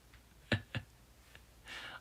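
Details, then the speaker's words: Two sharp, distinct cracks close together, then a faint click and a brief rustle in a quiet room as the person asks if you can hear their knees cracking, which keeps happening: knee crepitus (joint cracking). "무릎에서 소리 계속 나요. Can you hear my knees cracking? Why my knees cracking?"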